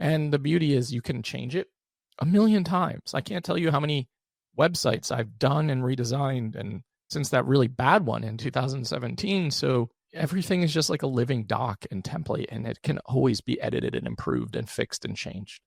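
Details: Adult man with a rare, chronic, recurring throat condition; endoscopic surgery in 2021, then open throat surgery in 2022 left one vocal cord paralysed; after extensive speech therapy, voice improved but tires daily; vocal fry from unilateral vocal cord paralysis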